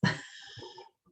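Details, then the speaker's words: Dog (female) snoring audibly in the background of a home recording while people talk. "do you guys hear my dog snoring"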